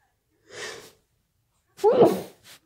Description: wet and muffled sneezes, sniffles and nose blowing in the middle